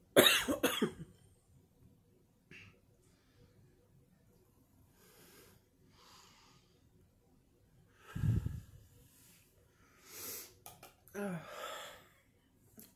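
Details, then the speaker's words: Person with allergies clearing throat and coughing to clear the lungs: one loud cough burst, then quiet breathing and a few softer throat-clearing coughs in a small room. "We do some clearing of throats and coughing to clear out the lungs."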